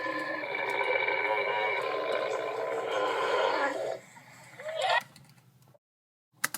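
A long, loud, rumbling voiced belch lasting several seconds from a cartoon soundtrack, then a short rising sound and silence.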